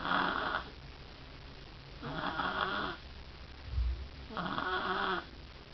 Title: snore zzzz